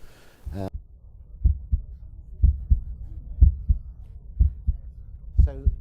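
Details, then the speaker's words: Normal heart sounds: regular lub-dub at about 60 beats a minute, normal rhythm, from a talk on phonocardiography and functional cardiac testing. "carefully and you should be able to detect lub dub lub dub lub dub all right you that's normal sound anything else is abnormal"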